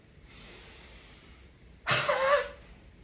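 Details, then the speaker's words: Demonstrated huff cough (forced expiratory technique): deep breath in through the nose with a brief hold, then one forceful open-mouth huff, repeated two or three times before a final cough to move mucus. "then you're going to perform some Huffs with your mouth open your air is coming out of your mouth it's going to look like this"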